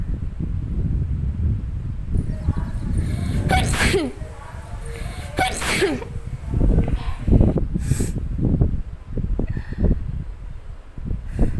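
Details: Two forceful, deliberately self-induced sneezes from a sneezing challenge, each a sharp inhale then explosive burst, over loud wind noise from a phone placed by a window without a microphone; sneezing.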